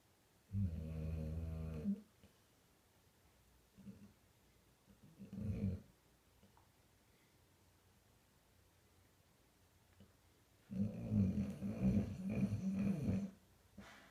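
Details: 3.5-year-old Old English Bulldogge, sleeping, recorded on an iPhone 5S: loud, low, buzzy snores separated by quiet pauses; snoring.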